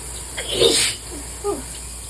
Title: Desperate sneezes in the shower (bad allergy day 2/5)